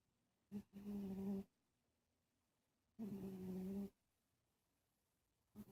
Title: Cat Snoring?